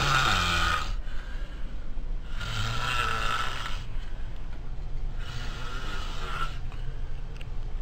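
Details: Person snoring in a shared room, likened to a steam train: three loud, rough, rattling breaths separated by quieter pauses, about one every two to three seconds.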